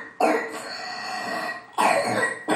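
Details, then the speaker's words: Child's cough, given as an example of how an adenoid kid presents: two harsh, forceful coughs, each with a drawn-out rough tail. "I will show you how a symptom might be. An adenoid kid might be presented with cough like this."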